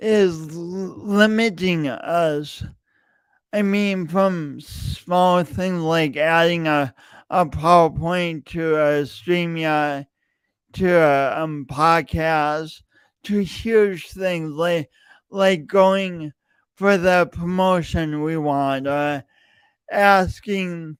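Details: Stuttering (speech disfluency) in a man with a long-standing speech impediment that he denied for years; his own speech, with repeated words.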